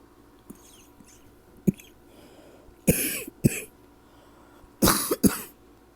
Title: #10 - …still coughing all night long